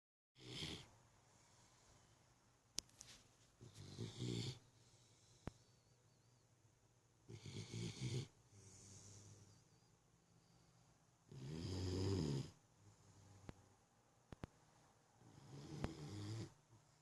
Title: Effie snoring like a chainsaw